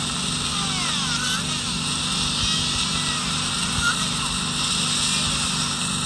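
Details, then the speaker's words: A surgical bur guttering the peripheral bone around an impacted distoangular wisdom tooth during surgery: a continuous high whine of bone grinding over background music. "so you see the I'm removing the peripheral bone which is called bone guttering and the depth and the width of the guttering is very important"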